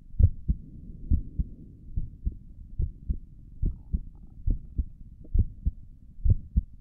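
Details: Heartbeat heard through a stethoscope on the chest for an ASMR recording: steady paired lub-dub at about 70 beats a minute with no extra sounds between beats; stomach gurgles occur during the recording; normal heart sounds.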